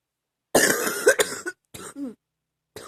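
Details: Adult giving a short run of rough, loose-sounding coughs; a little chesty, productive cough during an illness last summer.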